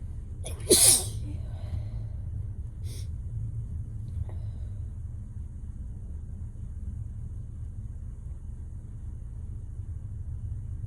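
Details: Sneezing during a failed nap, in someone who posts allergy videos: one loud sneeze with a sharp intake before it, then quiet room rumble, and a fainter sneeze-like burst a few seconds later.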